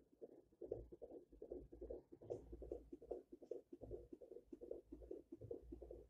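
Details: Four-month pregnancy checkup at a health center: fast, regular whooshing pulses at about 150 a minute, a fetal heartbeat picked up by Doppler.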